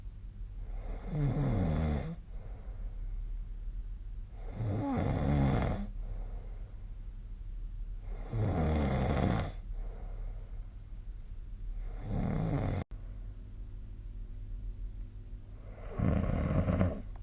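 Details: Snoring during sleep, recorded with the SnoreLab app: loud, low, rattling snores on each inhalation, about 17 a minute, with quiet gaps between.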